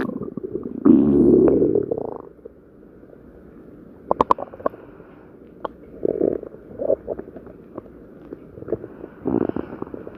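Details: A loud gurgling rumble followed by softer bubbling and squelching gut noises; ordinary stomach growling (borborygmi).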